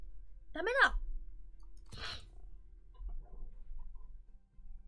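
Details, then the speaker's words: Woman sneezing: a rising voiced build-up then one sharp explosive burst of air, a single sneeze with light room noise. "それでは落としていきたいと思います。よろしいですか？あ、くしゃみです。"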